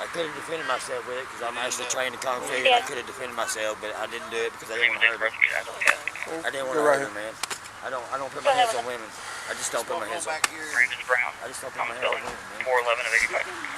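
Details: Adult man, a singer, whose voice has not returned since he was punched in the throat 3 weeks earlier; officers also mention a box cut to his throat; dysphonia after throat trauma.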